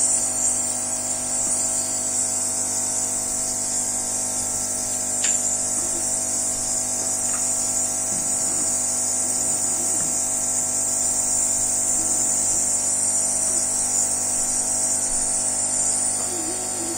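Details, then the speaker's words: Young child, often needing extra oxygen, receiving daily budesonide nebulizer treatment by face mask to open the airway: steady mechanical hum and high hiss of the compressor throughout, with faint child sounds. "Then I have to fill it with a neb treatment. She uses Budesonide."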